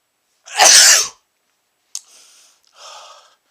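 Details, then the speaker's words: A single loud, forceful adult male sneeze followed by two softer breathy sniffs, after sniffing chhinkni snuff that burns the nose and makes the eyes water. "oh I sneezed those are big sne oh those are big sneezes it's still in there oh boy oh it burns like crazy"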